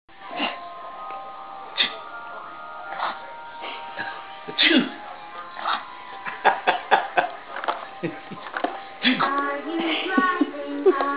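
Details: Baby imitating sneezes on prompting, with a monkey sound: imitated sneezing.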